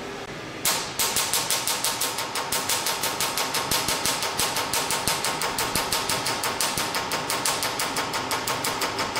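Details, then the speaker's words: Q-switched Nd:YAG laser firing: steady rapid snapping clicks, about three per second, during a training demonstration of a facial carbon peel, with energy and frequency set, red aiming light on and the foot pedal pressed. "now working in the treatments after we set the energies 800 minutes walk as frequently ios6 frequency then we see we have a red light 2.0 where the laser is and then I applied the foot pedal"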